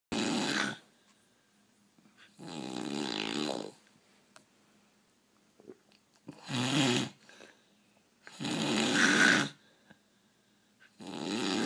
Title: snoring!!!